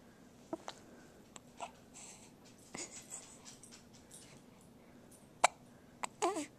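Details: Hiccups in a 2½-week-old infant girl waking from a nap: short sharp hiccup catches between soft coos in a quiet room.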